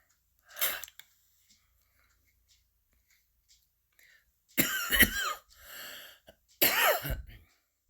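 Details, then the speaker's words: A person uses their own inhaler: a brief puff, then after a pause two harsh coughs with throat clearing, a cough after inhaler use. "Yes, people, inhalers can make you cough."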